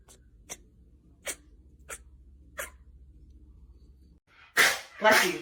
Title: The cat is sneezing.🤧#sneezing #catsoftiktok #funnyvideos #catlover #lovecats